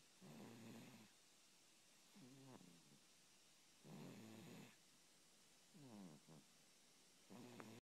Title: 코골며 자는 (is snoring)